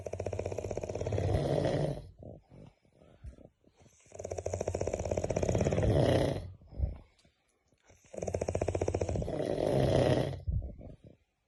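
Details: Person snoring very loudly, likened to a helicopter: rough, rattling snores with short quieter breaths between, about three snoring breaths in eleven seconds; heavy snoring.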